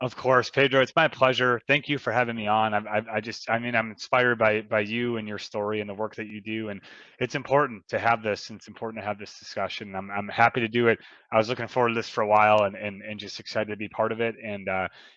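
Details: Adult man, keynote and motivational speaker, who has stuttered his whole life; stuttering.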